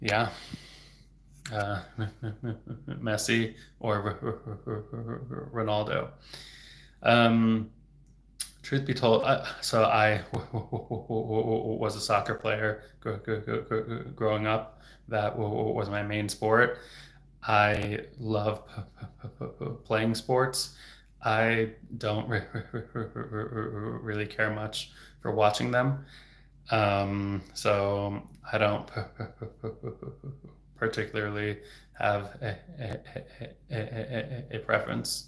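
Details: Adult male speech-language pathologist who has stuttered since age 8, speaking openly in a livestream, with word repetitions: stuttering.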